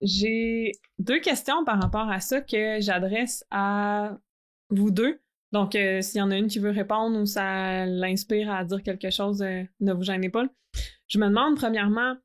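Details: Adult woman who stutters, a master's candidate in speech-language pathology; stuttering.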